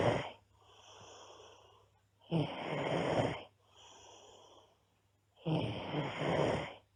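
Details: Girl snoring loudly: rough snoring on each in-breath with quieter breathing out, about 19 breaths a minute; heavy snoring.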